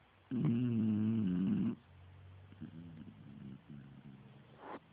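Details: A sleeping beagle snoring: one long, voiced, groaning breath, then softer fluttering snorts.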